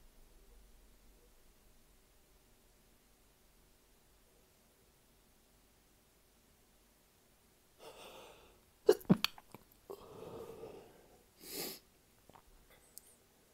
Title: Small Sneezing fit